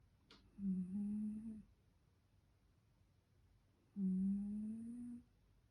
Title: MY CAT IS SNORING HARDLY